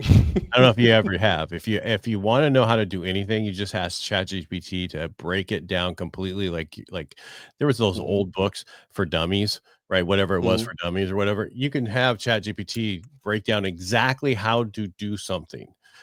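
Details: Adult man speaking; normal speech.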